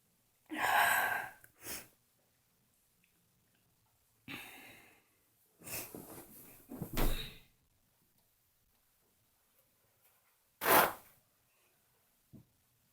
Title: Few morning sneezes